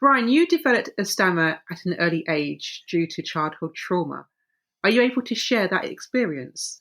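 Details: Adult speaker; Normal fluent speech.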